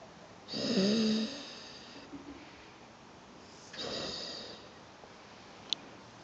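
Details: Crispy snoring: two loud, rattling snores on breathing in, each about a second long, with quiet breathing between them.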